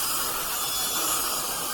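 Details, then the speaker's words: Initial bone removal at the distal aspect of the crown of a deeply bone-impacted lower left wisdom tooth near the inferior alveolar nerve, cutting toward the lingual plate: steady high-pitched grinding hiss; surgical bur drilling bone. "Here we are starting to remove the bone. The initial point of entry is around the distal aspect of the crown, and we make an incision into the bone, and following the incision we travel to the lingual plate."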